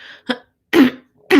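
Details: Cough with throat clearing from an adult woman, a lingering cough she relates to seasonal allergies with trees blooming.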